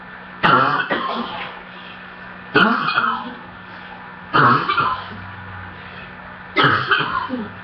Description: still coughing can you tell the part when I was choking please comment